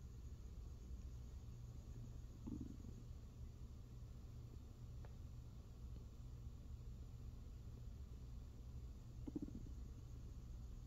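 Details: Hunger stomach growling recorded as ASMR: low continuous rumbling with a couple of brief gurgles, ordinary borborygmi from hunger and digestion.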